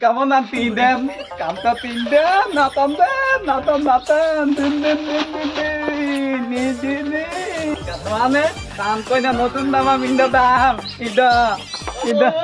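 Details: Adult male speakers, comedy performance; stuttering (acted).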